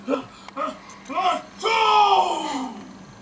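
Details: Cartoon sneeze of the character Fire-eater's big sneeze from an interactive Pinocchio iPad storybook app: short gasping inhalations building to one loud, long voiced sneeze burst.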